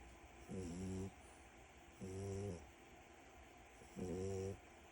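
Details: French bulldog puppy deeply asleep: three loud, low, rattling snores, each about half a second, with quiet breathing between; snoring in a flat-faced dog.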